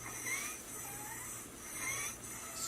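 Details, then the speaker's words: Child with upper airway obstruction: harsh, high-pitched musical inspiratory stridor with each breath in. "thank you upper Airway obstruction with stridor"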